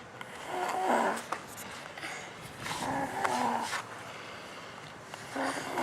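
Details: Rough, snorting breath sounds repeating about two dozen times a minute in a quiet room; Frankie snoring.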